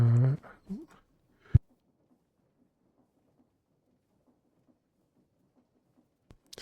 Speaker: excuse me. Sneeze out of nowhere.